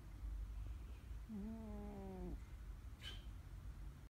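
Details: Male cat sleeping and napping, giving a steady low rumbling snore with a brief droning tone partway through and a faint click near the end; loud cat snoring.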